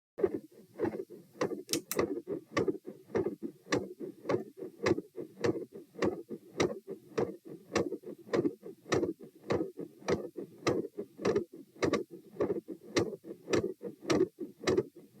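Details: Recorded at position T while standing, 108–120 bpm: fast, loud heartbeat near 105 a minute with a rough whooshing murmur filling the gaps between beats; gradually changing S2 murmur and intermittent machinery murmur.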